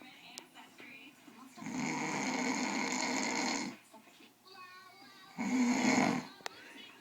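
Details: Father caught asleep, snoring (he insists he does not snore): two loud, rattling snores on breathing in, separated by a quiet pause, with faint room noise between.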